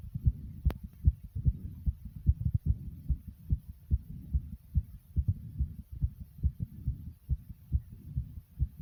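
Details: Person's own heartbeat, beating "like a racing horse": fast, regular low thumping heartbeat at roughly 140 beats a minute; rapid heartbeat (tachycardia).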